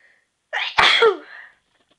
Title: I tryed to make some stifles sneezes